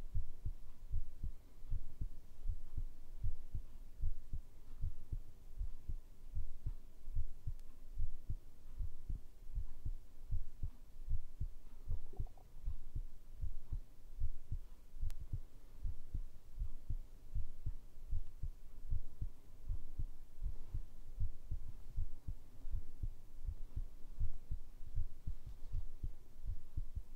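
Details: Heartbeat recorded for ASMR: steady, deep thumps at about 77 beats a minute over a low hum.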